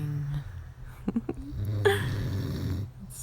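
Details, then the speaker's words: A man snores all night while sleeping deeply and holding his partner: low rumbling breaths with fluttering catches, then a longer rough inhaled rattle in a quiet room; snoring. "so this is what I have to live with do you hear it he does this all night long snoring snoring"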